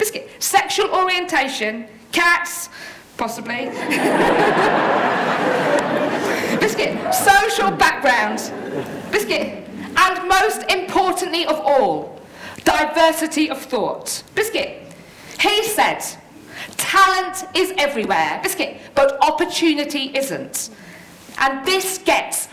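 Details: Adult woman living with Tourette syndrome, with frequent vocal tics of words interrupting her speech; Tourette syndrome vocal tics.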